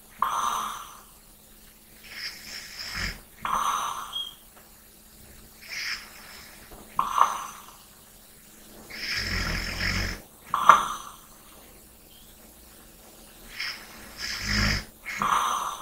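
Irregular noisy breaths during sleep, some with a soft rattling snore, mixed with lighter breathing; room noise in the background.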